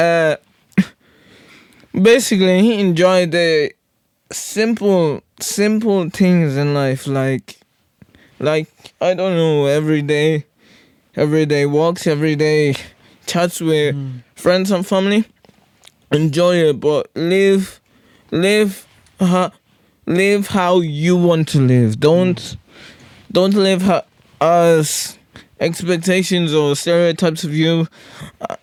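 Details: Podcast host with cerebral palsy-related speech impairment; severe stuttering in childhood treated with speech therapy, still stutters a lot; stuttering with word and phrase repetitions.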